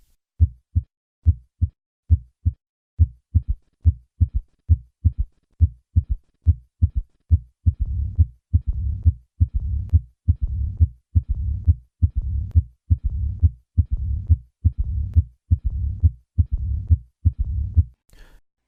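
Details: Austin Flint murmur.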